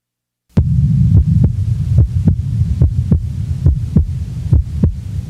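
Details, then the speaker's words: Normal individual, recorded at left base: steady heart sounds about 70 per minute, second sound splitting with each inspiration, breath sounds in background; physiological splitting of the second heart sound. "the next example is also that of a normal individual the recording is from base left a physiological splitting is heard with each inspiration breath sounds are heard in the background"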